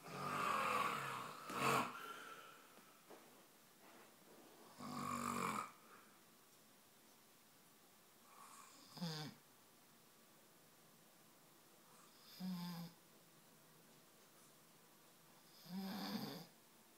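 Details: Snoring loud enough to wake a sleeping cat: loud, rough snorting breaths at first, then softer snores every few seconds with quiet pauses between.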